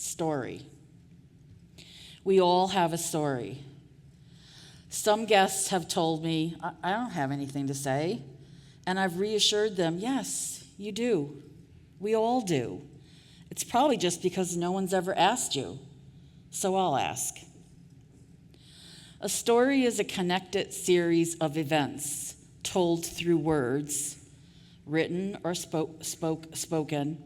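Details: Adult woman who stutters, formerly a covert stutterer for years; audible part-word repetitions; stuttering.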